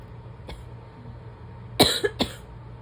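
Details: Morning barking asthma cough with sneezes just after waking at the start of fall; a faint sound, then three short, harsh, barking coughs over low room hum; barking asthma cough.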